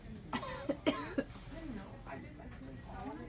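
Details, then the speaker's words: Simulated patient gives a few short, sharp coughs on request during tracheostomy suctioning practice, after oxygen is removed and the suction catheter is inserted six to eight inches. "all right we're going to take a deep breath in for me i'm going to insert six to eight inches all right mr smith go ahead and cough"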